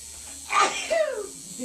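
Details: Single sharp sneeze from an adult during a septum piercing, with the needle still in the nose; a quick burst of air followed by a falling voiced release.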